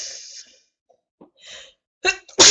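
Breathy inhalations lead into two sharp, explosive sneezes in quick succession, part of a sneezing fit.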